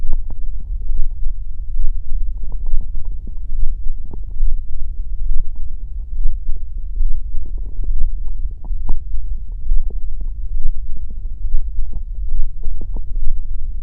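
Continuous low rumbling with irregular gurgles and pops: stomach growling, the ordinary sound of gas and fluid moving through the gut.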